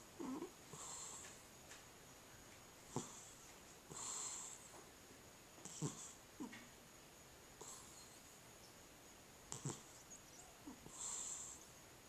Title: Cat Snoring